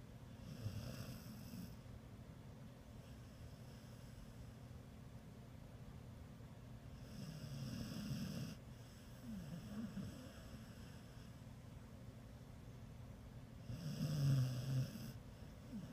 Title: Pearl, the rescue pit snores